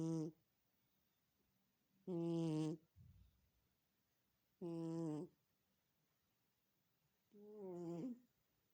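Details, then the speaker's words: Cat snoring loudly while asleep. "Кто так храпит? Кто так храпит, а? Кто так храпит?"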